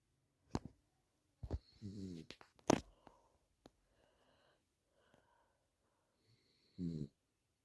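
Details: Sleeping dog snoring, owner insists it is not faked: two short, pitched, whistling snores about five seconds apart, with soft clicks between.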